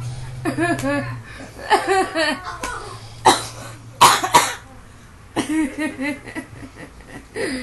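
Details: Adult laughing in voiced bursts interrupted by about three sharp coughs, coughing set off by laughter.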